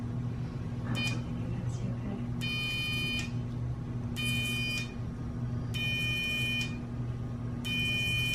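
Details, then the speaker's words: Electrocautery during lipoma removal on the head: five short high buzzing tones over room hum, as the wound sides are pulled apart to cauterize again. "can you pull the sides apart like that so i can buzz it again buzzing again you're gonna"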